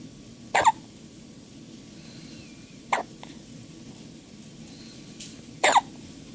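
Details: A newborn, half a day old, gives three brief, abrupt hiccups a few seconds apart, about 30 a minute, in a quiet room.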